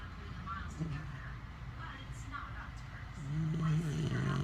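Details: Husband and French bulldog snoring loudly together: low, rattling snoring growing louder toward the end, over a steady background hum.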